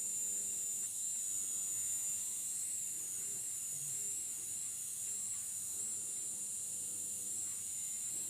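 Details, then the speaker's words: Steady very high-pitched whine of a small drill in full-endoscopic transforaminal spine surgery, drilling foraminal bone from the pedicle to the junction of the ascending facet, with faint room noise. "i start drilling from the pedicle to the junction of the ascending faucet here"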